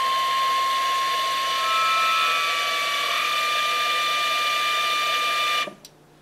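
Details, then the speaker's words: Puritan Bennett 840 ventilator Short Self Test, checking circuit resistance by sending different flow rates: a steady loud rushing hiss with a faint whine, then abrupt silence; ventilator circuit resistance test flow, normal. "that is passed and now it's checking the resistance of the circuit by sending different flow rates"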